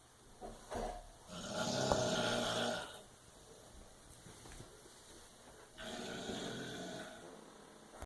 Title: My mom snores way too loud